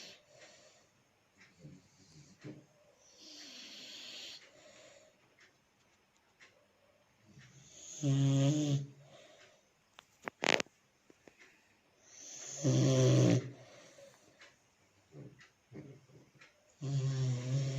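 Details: Nose snoring from two sleepers: loud, low, rattling snores at irregular intervals, about 13 a minute, with soft nasal whistles and snuffles between them.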